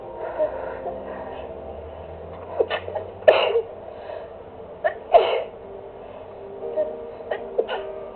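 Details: Sneezing recorded on a phone while music played: a run of several short, sharp sneezes in quick succession over quiet background music; the person can't stop sneezing.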